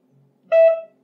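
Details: B. Braun Perfusor Space syringe pump with a 50cc syringe gives a single clear electronic beep after faint soft noises while a manual bolus is given by holding the OK button.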